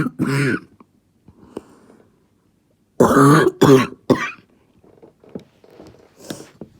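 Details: Barking cough: several loud, harsh, hoarse, seal-like cough bursts between quiet fussing.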